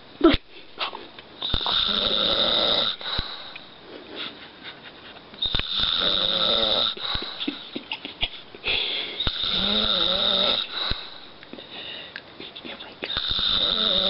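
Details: Repeated harsh, rattling snores with a whistling edge alternating with quieter breaths, from the recorder's dad sleeping in a small room.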